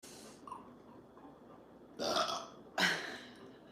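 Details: Two loud, throaty belches after a brief vocal sound in a quiet room; burping.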